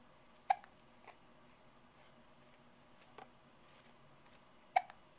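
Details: Hiccups recorded with a Flip Video camcorder: short sharp hiccup sounds in a quiet room, two stronger ones about four seconds apart with fainter catches between.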